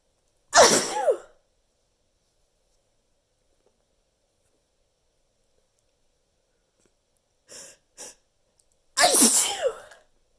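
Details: Deliberately loud, somewhat exaggerated sneezes with an added "choo" at the end: two explosive sneezes separated by a quiet gap with soft breaths or sniffs.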